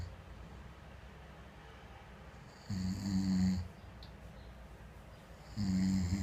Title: Snoring it's the alcohol that does it